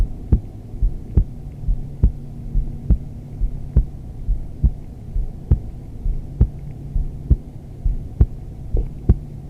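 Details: Steady, regular heartbeat at about 68 beats a minute, soft thumps over a low hum, recorded on an adult woman during restorative yoga (child's pose); normal heart rhythm.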